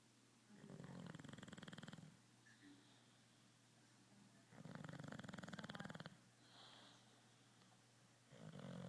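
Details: Bulldog snoring while passed out asleep: loud rattling snores, each about a second and a half, with quieter breathing out between and a steady low hum.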